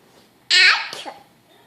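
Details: Fake sneeze imitated on request: a single sudden voiced burst with a breathy release, in a quiet room.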